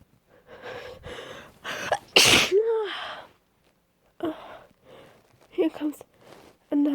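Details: Repeated attempts to hold back sneezes, unsuccessful: rapid catching in-breaths build to a loud, explosive sneeze, followed by further stifled sneezes; sneezing.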